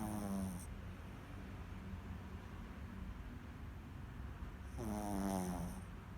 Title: The Snoring ShihTzu